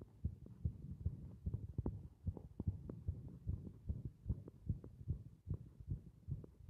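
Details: Rapid, fairly regular low thumping heartbeat, about 150 beats a minute, with faint hum underneath, from a heart resisting compression.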